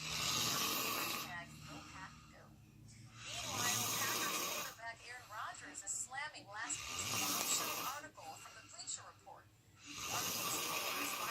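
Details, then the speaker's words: Brother asleep, snoring and snorting: loud, rough snores repeating every few seconds through a hissy recording. "got slapped. He's snoring his butt off."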